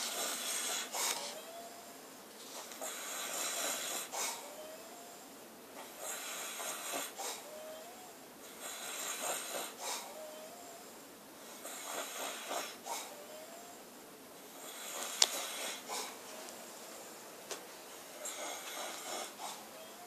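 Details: Man, described as drunk, snoring on a cruise ship: repeated noisy breaths about every 2.5 seconds, roughly 24 a minute, each with a short squeaky tone.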